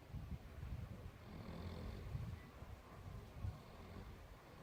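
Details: Soft, low, rumbling snores repeating irregularly from a sleeping Newfoundland puppy, possibly dreaming; ordinary snoring.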